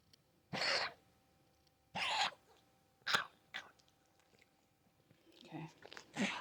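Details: Four short, harsh, noisy expulsive bursts from a pet animal, consistent with coughing.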